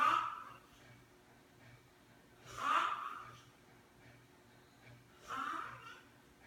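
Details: Person snoring while asleep: three slow noisy breaths with a snorting rasp, about 22 breaths a minute, over a faint room hum.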